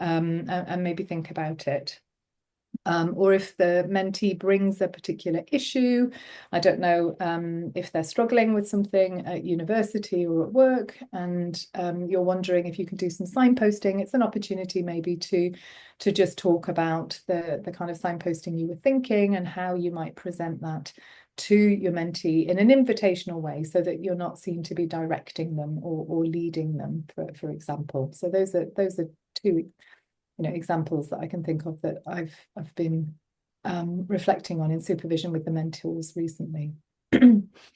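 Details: Adult woman speaking; typical speech.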